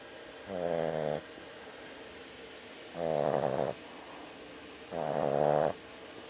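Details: Boston Terrier (Luna) snoring while asleep: three loud, buzzing, vibrating snores on each breath in, about 27 a minute, with quiet pauses; typical flat-faced dog snoring.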